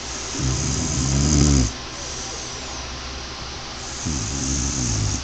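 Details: Adult woman (a mother) snoring after falling asleep, with a baby lying beside her: two long, low, rattling snores separated by a quiet breath out, over steady background hiss; ordinary snoring.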